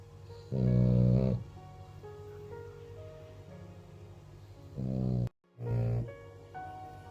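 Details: Female French Bulldog snoring: loud, buzzing snores, three bursts over seven seconds, with background music.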